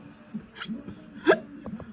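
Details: Repeated abrupt, voiced hiccups from an animated cartoon character who drank lemonade too quickly, with faint background music; simulated hiccups.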